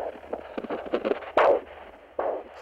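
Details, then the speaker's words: Handheld Doppler placed over an artery on a person's arm in a varicose vein and venous disease seminar: rhythmic whooshing surges with each heartbeat, showing pulsatile arterial blood flow. "the artery and that's the blood moving with the with the with the heart heartbeat"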